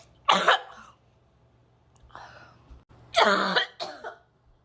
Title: coughing gagging